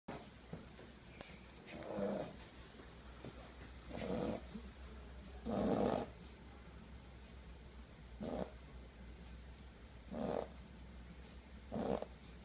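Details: Sleeping English Bulldog puppy with his new stuffed bunny: six soft, irregularly spaced snoring breaths over about twelve seconds, steady low room hum behind them.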